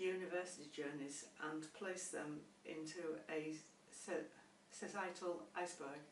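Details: Adult who stammers and has found therapy helpful; stuttering.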